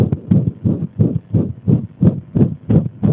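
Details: Arrhythmia deliberately provoked by applying compression: fast, loud heartbeats with slightly uneven spacing, an irregular heart rhythm.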